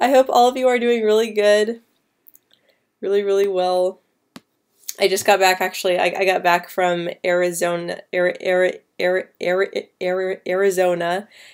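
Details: Female speaker who stutters, answering live questions, with a part-word repetition; stuttering.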